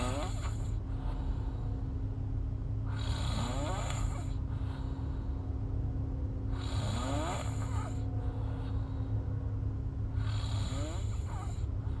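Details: Girl asleep: rhythmic snoring with a rattling noise on each breath, about every 3.5 seconds or roughly 17 a minute, over a steady background hum.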